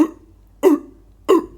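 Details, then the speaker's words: Adult imitating the classic seal-like barking cough of croup, the commonest cause of stridor in children and often a spot diagnosis on arrival; three short, harsh barking coughs. "And you often diagnose it as they walk through the department, because they'll often have the barking cough, the classical"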